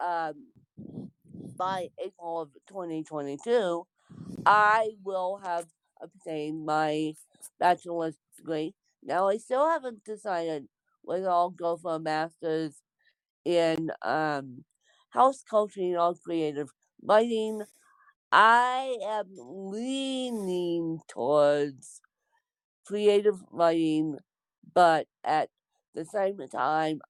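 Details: Speech of an adult woman born with cerebral palsy (lifelong, congenital); no specific speech disorder is named.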